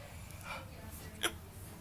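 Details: Hiccups caught on a hidden-camera recording: a single short, sharp voiced catch over faint room noise and distant voices.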